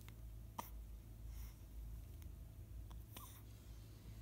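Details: Two soft, abrupt hiccups about 2.5 seconds apart over a low room hum; hiccups.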